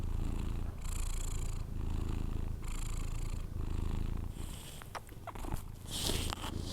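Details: Steady soft rumbling breaths in and out, about one per second, from a sleeping cat (hashtags suggest a white Persian); harmless snoring.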